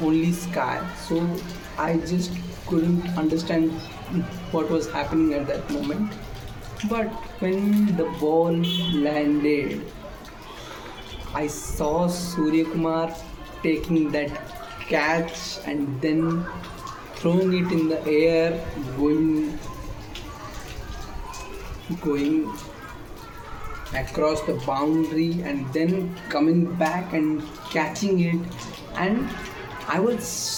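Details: Male speaker with self-reported stammering: stuttering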